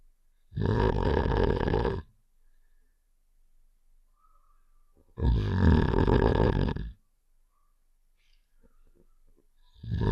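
Two long, loud, rattling snores with quiet pauses between, from a cartoon sound effect.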